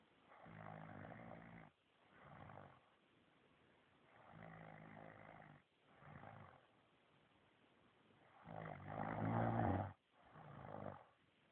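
Loud, rough, vibrating snores alternate with quieter breaths, about five breath cycles, roughly 25 per minute; ordinary snoring.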